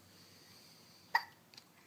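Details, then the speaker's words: Young child with hiccups: a single sharp, abrupt hiccup against quiet background, followed by a faint second catch. "What you doing? You got hiccups? I have hiccups too. It's going around."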